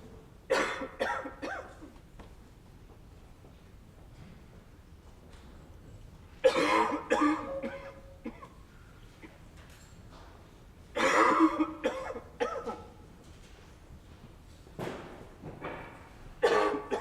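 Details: Simulated dry, barking cough acted out by an adult male in a library scenario: four short fits with quiet pauses between them.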